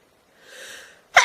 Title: Beautiful Girls sneezing